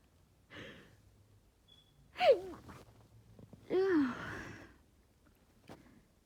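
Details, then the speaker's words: Stifled sneezes from someone with a sinus head cold, sneezing all day with a headache, holding sneezes back at 1 a.m. so a roommate stays asleep: quiet sharp intakes of breath, false starts, and two muffled sneezes with high squeaky onsets. "I have mostly causing false starts and me trying to hold them back, so it's not really working. Oh goodness, I couldn't stifle that one."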